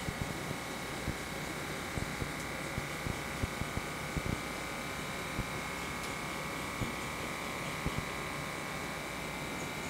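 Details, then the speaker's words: Wrist blood pressure monitor on an adult man, cuff within 1 cm of the wrist, resting on a table at heart level: steady motor hum with small clicks as it inflates and measures; reading 134/86, pulse 87. "So I'm gonna put it on the table and I'm gonna give myself a nice little reading here. So I'm gonna hit the start button."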